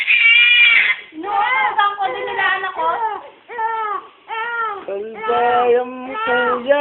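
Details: An infant cries in a run of high-pitched, wavering wails with brief breaths between them, amid family talk, clapping and background music; infant crying.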